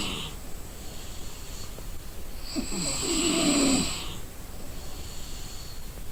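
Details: Exhausted person snoring in deep sleep: one long, harsh, fluttering snore on breathing in, with noisy breathing before and after.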